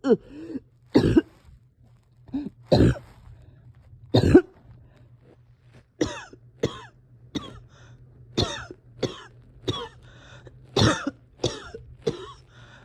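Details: Person having breathing struggles and a hard time resting or getting comfortable: about fourteen harsh cough bursts in clusters with short gaps and throat clearing, a persistent cough.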